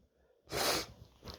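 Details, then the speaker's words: One of a series of sneezes: a single sudden, explosive burst of air after a quiet pause. "I thought I'd uh put something together and give you some more sneezes here here it goes"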